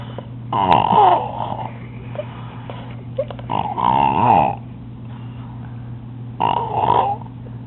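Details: A woman snoring in sleep: three irregular, throaty breaths with a fluttering rasp over a steady background hum. Snoring.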